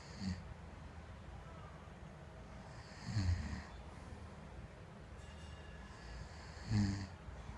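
Three short snorting snores about three seconds apart over low background hum. Snoring.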